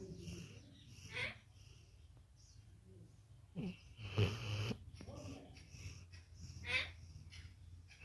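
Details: A dog snores like a human, with a low, steady rumble punctuated by several louder, raspy snorts and wheezy breaths; snoring.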